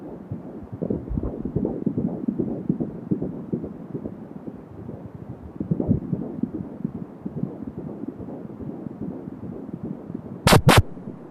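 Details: Fetal heart sounds at 16 weeks of pregnancy: rapid soft whooshing pulses over low rumbling noise, with a brief loud crackle near the end.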